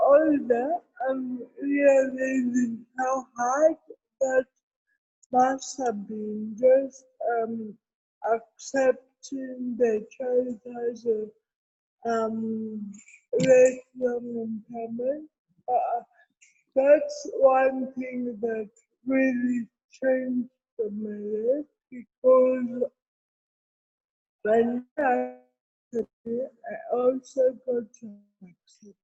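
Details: Adult woman with cerebral palsy present since birth, speaking in an interview: dysarthria (cerebral palsy).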